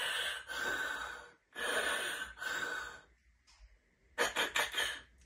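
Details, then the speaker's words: Imitated pediatric obstructive sleep apnea: noisy sleep breathing stops for about a second, then resumes with a burst of gasping breaths; apneic pause with gasping. "number four do they pause while they're sleeping at night like this"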